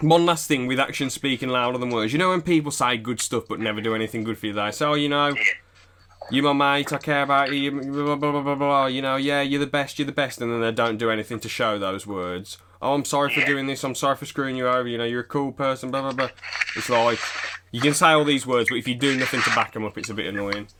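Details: Young man speaking; conversational speech.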